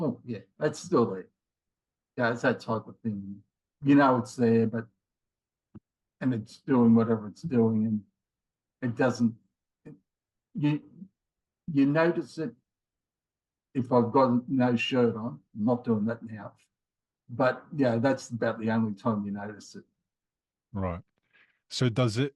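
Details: Mild aphasia in a man in his late 50s after a left-sided ischemic stroke in January 2020, with difficulty finding words and getting them started; he also has a history of multiple heart attacks and rheumatoid arthritis.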